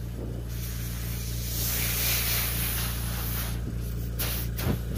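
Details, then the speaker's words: Steady airy hiss with low machine hum: oxygen flowing through nasal cannula tubing from a running 5-litre Invacare Perfecto oxygen concentrator. "we're gonna go and turn this on you're going to see this humidifier start bubbling see so that means oxygen is actually flowing through there"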